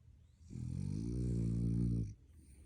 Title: I wonder what he’s dreaming about!? #dream #snoring #frenchie #puppy #subscribe